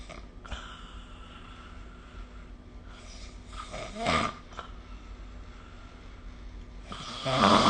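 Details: Sleep snoring recorded with the SnoreLab phone app: rough, rattling breaths with louder snorting bursts at irregular intervals over a quiet room hum.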